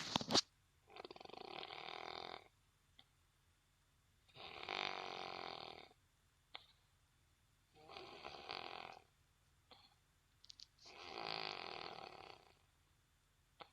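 Four harsh, rasping snores with quiet gaps between them, about 17 breaths a minute. Steady, regular snoring.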